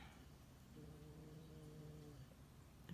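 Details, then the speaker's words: A 15-year-old dog snoring. "you can hear that it's my dog snoring she's 15 and she's getting a little old"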